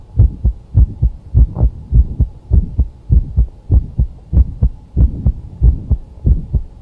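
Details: Mid-systolic click: regular heartbeat near 100 a minute with a sharp extra click between the first and second heart sounds.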